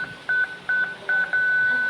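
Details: A mid-pitched electronic tone beeps in short bursts and then holds steady as a Zoll biphasic defibrillator charges during a CPR training demonstration: defibrillator charging tone.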